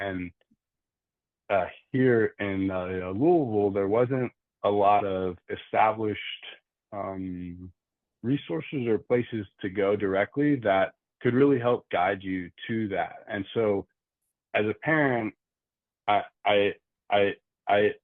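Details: Adult man who stutters, with audible word repetitions; stuttering.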